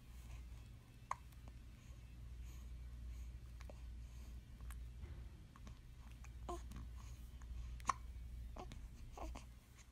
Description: This video features a 15 day old infant boy suffering from a brief period hiccups.